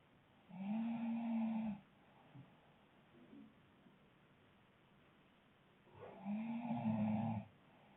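Two long, droning, moan-like snores about five seconds apart, steady in pitch, with quiet breathing between them.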